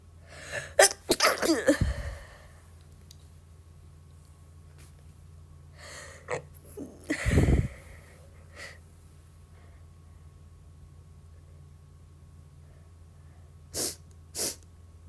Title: some sneeze